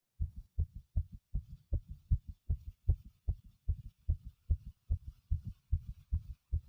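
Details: Male heartbeat, strong, fast and regular at about 150 beats a minute, pounding: each beat a heavy thump followed by a softer one.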